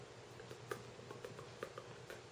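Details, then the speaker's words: Soft, irregular wet clicks and smacks from the lips of an adult with oral tardive dyskinesia and dystonia attributed to psychotropic drugs, filmed while wearing a neck collar; involuntary lip smacking (oral tardive dyskinesia). "That's what I wanted to get. That's oral. I don't get it a lot, so I wanted to get it on the tape."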